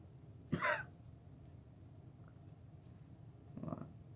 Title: Sneezing!